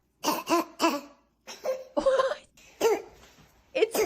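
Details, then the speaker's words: Croup cough in a child: repeated harsh, barking, seal-like coughs with a tight, tonal ring. "I'm gonna play you the sound that a a kid makes when they have croo."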